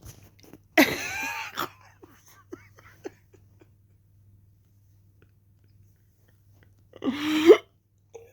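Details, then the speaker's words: Two abrupt voiced hiccups with a sharp closing click, several seconds apart, in a quiet room, from a 50-year-old speaker who says hiccups came on suddenly. "hiccups with hiccups you have zero control what is this about what like actually they're just a bag of fun hiccups"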